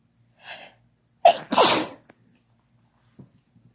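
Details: Sneeze induced with a chhinkni: a soft intake and short breath, then a sharp two-part sneeze burst, followed by quiet breathing.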